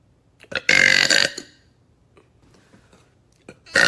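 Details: Woman's burps from a compilation: a loud, prolonged burp, then quiet room sound and the start of another loud burp.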